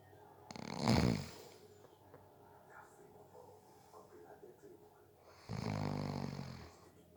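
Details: Person napping who fell asleep within 30 seconds: two loud, rough inspiratory snores several seconds apart, with quiet breathing and faint room noise between; snoring.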